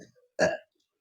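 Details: An older woman with gas and belching (title says five years; she says 12 months) plus acidity has her abdomen pressed during manual treatment, giving a single short, loud, voiced belch with a low rumble, then quiet.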